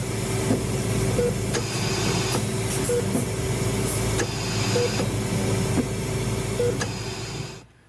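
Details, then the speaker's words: Steady mechanical hum with short electronic beeps about every two seconds and faint clicks: hospital life-support machine sounds, presented as what a person hears on waking after a car crash. "is what it sounds like to be maintained by a machine when you wake up to that sound that's what woke you up in fact"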